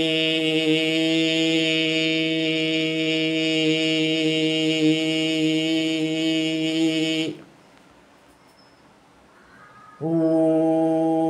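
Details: Adult male with a high-pitched voice since childhood, after voice therapy, producing vowels, 'om' and repeated 'ka-ta-pa' syllables; normal male voice pitch.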